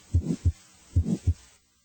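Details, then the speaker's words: Teaching example, as in physiologic flow murmurs or aortic stenosis: two heartbeats with a rough murmur beginning after S1 and stopping before S2, brief gaps audible around it: midsystolic murmur. "For example, a midsystolic murmur as heard in physiologic flow murmurs or aortic stenosis begins after S1 and stops before S2. Brief gaps are audible between the murmur and the heart sounds."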